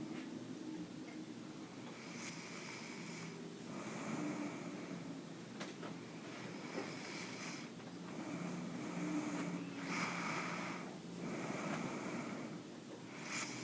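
Repeated noisy, rasping breaths with low rattling, about five cycles, over steady room noise; snoring.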